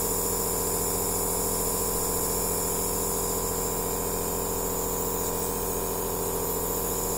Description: relaxing sound of aerosol therapy machine